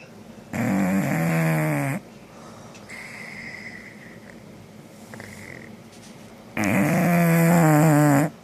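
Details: Two loud, rattling snores on the in-breaths, about six seconds apart, with quiet breathing between; heavy snoring.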